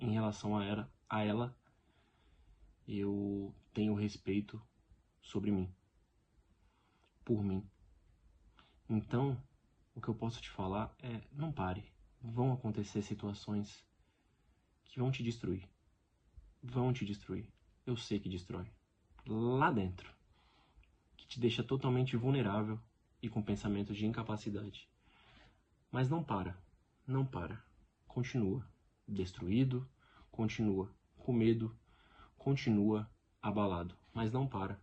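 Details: Real adult man who lives with stuttering every day. The finding is stuttering, in Portuguese speech.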